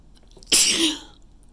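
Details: A single loud, explosive, hissing sneeze after a brief intake of breath, then quiet: an ordinary sneeze.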